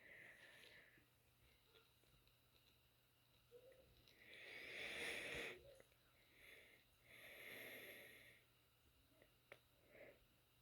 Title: when i cough & my asthma acts up at the same time sorry if it's weird ~ I've tried to talk to the Dr